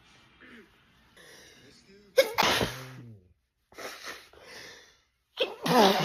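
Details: Black woman's sneezing fit, tagged allergic rhinitis, edited loop: three forceful sneezes with quick breaths drawn in before them; sneezing.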